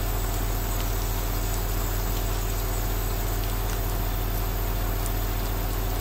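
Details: Steady, unbroken aerosol nebulizer motor hum with low droning throb and soft hiss, faint rain patter behind, played as relaxing ASMR: nebulizer running.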